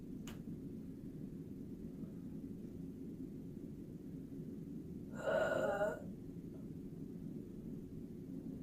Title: Sample Gasping Breath